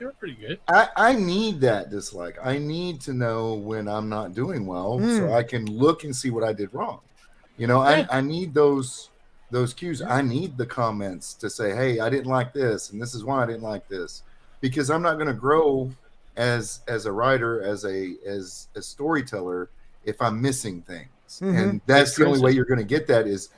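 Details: Adult man speaking; normal voice.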